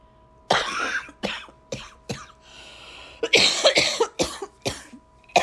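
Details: Someone with a December cold gives about eight harsh, explosive coughs in irregular bursts, with a short breath between, in a small room; cough.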